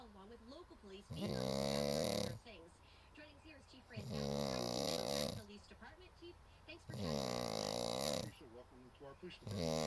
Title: Snoring gone bad